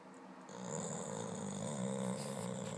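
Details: Boxer dog snoring loudly while asleep and dreaming: steady, loud, rattling breath noise typical of a short-nosed dog; snoring.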